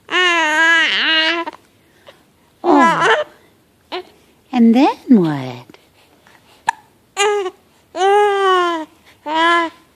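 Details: Short, fretful infant cries and whimpers broken by sudden catches of breath, like hiccups; the baby has hiccups and seems scared by them. Distressed infant crying.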